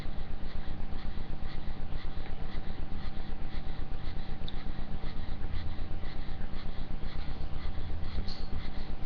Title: wheezing, panting